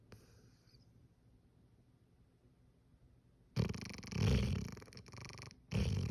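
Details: Hound dog passed out asleep on the couch, snoring heavily: after a few quiet seconds, loud, deep, rattling snores on its breaths.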